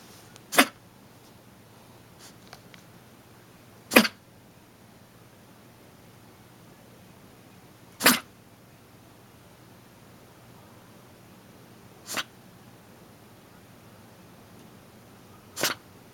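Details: A dog kept indoors with kennel cough gives five short, sharp, explosive coughs about four seconds apart; the coughing stopped by the third day.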